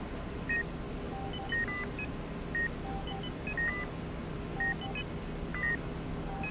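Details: Regular electronic beeps about once a second, near 58 a minute, from a bedside heart monitor over low room hum, with sporadic blood pressure machine sounds, in a dimly lit hospital ward; ambient relaxation recording.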